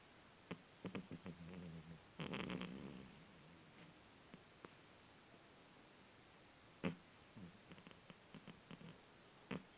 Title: храп кота cat snoring